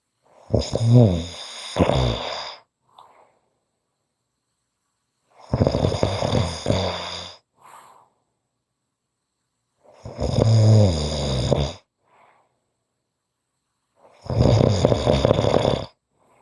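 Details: Snoring: four loud, rough, fluttering snores about every four seconds (roughly 15 breaths a minute) with silence between them.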